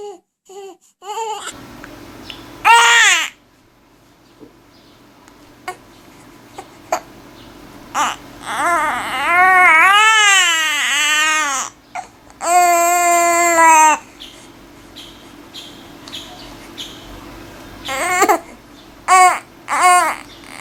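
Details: Two babies, a newborn crying loudly and a 2-month-old, crying in loud, wavering bursts separated by short gasps and quieter fussing.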